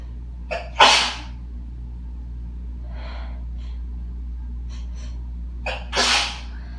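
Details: Sneezes from dust while cleaning house: two forceful sneezes, each a short in-breath then a harsh explosive burst, a few seconds of quiet between; sneezing.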